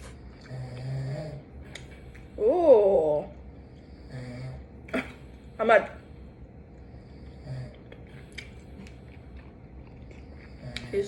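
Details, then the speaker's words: Soft, low rumbling snores from a sleeping adult man recur about every three seconds in a quiet room, with a louder voiced sound and faint eating clicks nearby: snoring. "can you guys hear the noise it's either ghosty or not snoring"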